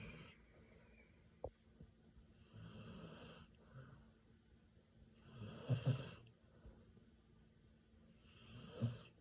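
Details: Dog snoring during sleep, said to snore very loudly: low, irregular snorting snores with a few louder rumbling bursts, quiet room.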